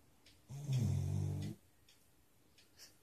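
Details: Dog snoring in a funny way: a single long, low, rumbling snore lasting about a second, with faint soft breaths around it in a quiet room.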